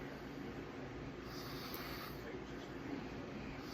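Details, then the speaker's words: Child sleeping, snoring unusually loudly: a steady, fluttering low rumble with no clear pause between breaths. "so when your niece is over for the weekend and she's sleeping next to you but snoring so ungodly loud I just want to push off the bed just kidding but she is doing really loud make loud"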